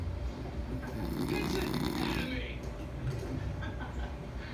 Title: Husband snores